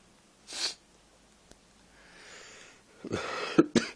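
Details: An adult's coughing bout: an airy cough, a breath, then a rough cough followed by two sharp ones.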